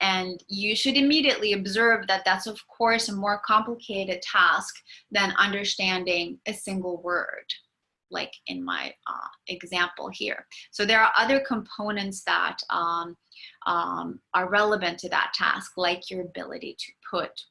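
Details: Adult lecturer; typical speech.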